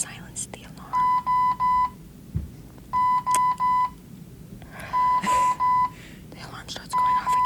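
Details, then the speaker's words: Infusion pump alarm beside a hospital inpatient's bed, going off again after a nurse had already silenced it. Repeating bursts of three steady electronic beeps about every two seconds, with quiet room noise and soft whispering. "yeah this is the sound of my pump going off pum now before I tell you this story"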